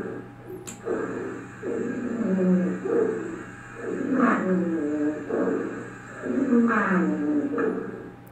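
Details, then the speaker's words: Lung auscultation teaching example of an adventitious sound: a low-pitched, low-frequency sound like a sleeping person snoring: rhonchi. "o ronco vai ser basicamente como se fosse uma pessoa dormindo roncando basicamente isso aqui que vocês vão a escutar vai ser um som mais grave de baixa frequência"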